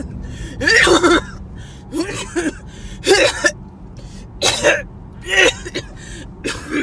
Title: Coughing Fits while headed to ER